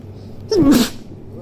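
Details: Person sneezing: a single abrupt sneeze, a quick intake followed by an explosive burst of air and voice.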